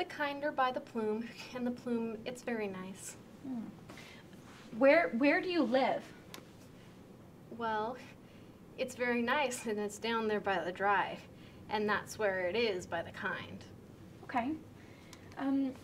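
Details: Demonstration of severe Wernicke's aphasia during a picture description, with impaired comprehension and repetition and possible unawareness of the difficulties; Wernicke's aphasia.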